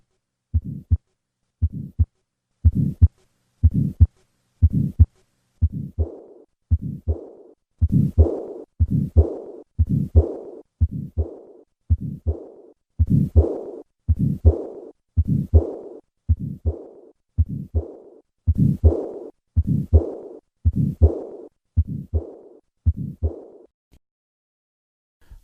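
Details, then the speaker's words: Regular heartbeat with a harsh systolic murmur of residual pulmonic stenosis, then an added soft diastolic murmur of pulmonic regurgitation, as after tetralogy of Fallot repair with a transannular patch: combined pulmonic stenosis and regurgitation. "listen to the combined murmurs of pulmonic stenosis and regurgitation I will start with a systolic murmur and then add the diastolic murmur"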